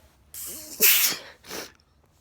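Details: Late at night, a person takes a rising intake of breath, then gives a forceful hissing sneeze and a softer follow-up burst of air; a single sneeze.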